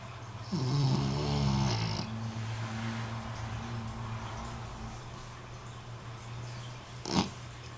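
Low rumbling snore with a rattling, fluttering quality, followed by steady noisy breathing and a brief snort; ordinary snoring.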